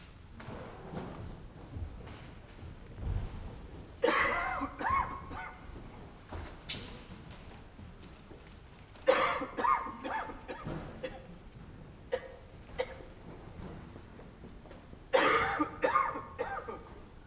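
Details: Acted, simulated library-scenario adult cough in three harsh, dry, barking bouts in a quiet, echoing room: dry barking cough.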